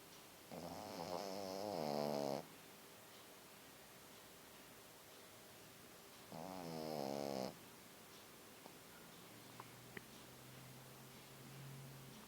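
Two long, fluttering, rattly snores on the in-breath with quiet pauses between, against faint room noise; snoring in a sleeping flat-faced dog.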